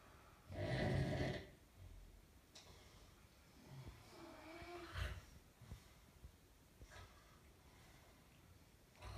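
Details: Parent snoring: a single loud, low, rattling snore on an in-breath, then quieter breathing and soft snorts in a quiet room.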